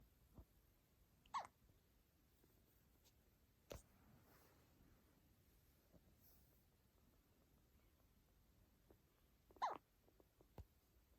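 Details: Newborn baby girl with hiccups: faint, brief catching sounds, a few over ten seconds, amid quiet background noise.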